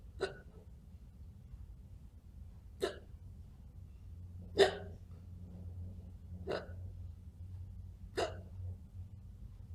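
Five sharp, brief gulping hiccup sounds about every two seconds; they may be faked rather than true hiccups.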